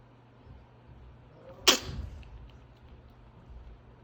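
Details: Silver, a ferret, coughing for a few days and worse today despite ferret lax; it started after he was picked up from a nightmare. He was later diagnosed with a severe respiratory infection and a rare autoimmune disorder. A single brief, sharp, explosive hack: hacking cough.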